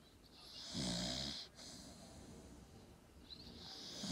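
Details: Staffy dog snoring: one short, rumbling snore, then quieter breathing with hissy airflow noise.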